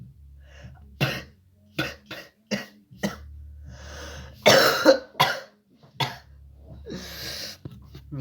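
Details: Simulated cough in a Russian cough-remedy advertisement: about nine short, harsh acted coughs and throat clears in irregular bursts over a low steady hum.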